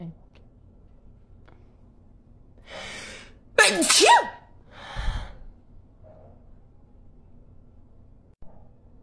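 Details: Girl with allergies having a sneeze attack: a quiet indrawn breath, then one sharp explosive sneeze with a brief trailing exhale in a quiet room; sneeze.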